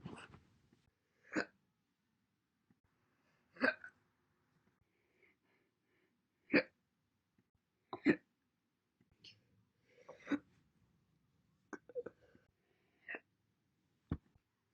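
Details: About nine single sharp hiccups separated by silence, each a brief abrupt gulping catch in the throat; from a compilation recorded January–April 2021.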